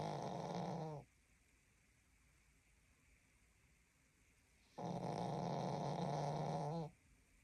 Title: Dog Snores so loud